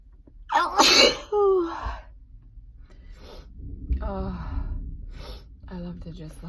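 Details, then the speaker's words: A person who says they cannot stop sneezing gasps inward and gives one forceful sneeze, followed by soft voiced sounds and breathing. "Ah. I'm so sick and tired. I'm sneezing, which is a first for me. I couldn't stop."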